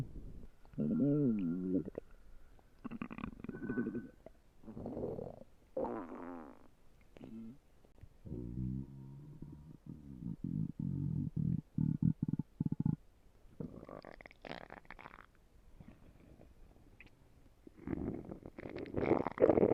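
Loud gurgling, squeaky and rumbling bursts of varying pitch from the belly, with quiet gaps between: ordinary stomach growling from gas and fluid moving.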